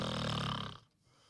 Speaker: im Schlaf entspannen sich die Muskeln die Zunge singt im Gaumen zurück dadurch wird der Rachen eng die Luft strömt mit erhöhtem Druck heißt Zäpfchen und Gaumensegel beginnen zu vibrieren es entsteht das typische Schnarchgeräusch